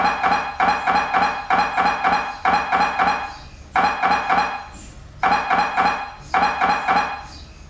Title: "mri sounds" 2021